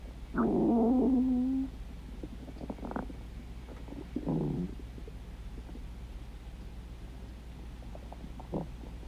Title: stomach growling